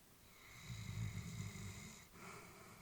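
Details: A single low, rumbling snore on the in-breath, then a soft breath out, from an elderly Labrador sleeping peacefully.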